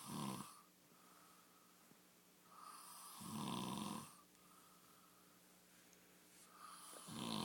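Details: Sleeping man: loud rattling snores on each breath in, about 17 a minute, with quieter breathing between; regular snoring.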